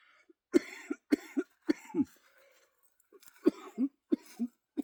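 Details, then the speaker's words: Productive cough during a chest workout doing dips: about six harsh, loose coughs in two runs; mucus felt in the upper lungs, with wheezing and hope of clearing it on a hike. "Yeah, the mucus is like in my upper lungs. I can hear it cuz I'm wheezing now. It's in my upper lungs. Hopefully by the time we finish our hike, it'll have come out."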